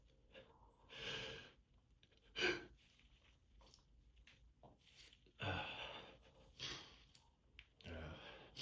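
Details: Repeated seasonal-allergy sneezing in a tired person over a morning: several sharp sneeze bursts with quieter breathing between them, in a small room.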